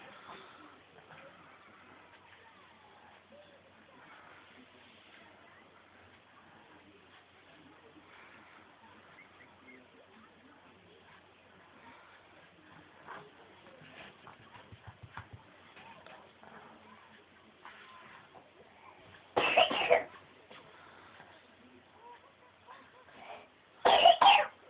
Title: Coughing baby end if recording